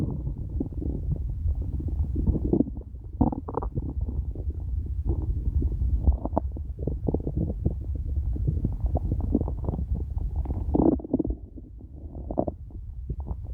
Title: very hungry stomach growling